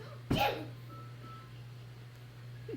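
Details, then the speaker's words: Child aged 3 years 3 months gives one sudden, forceful sneeze, then quiet room with low hum: sneezing. "Achoo. Whoa! God bless you. That was a real big sneeze."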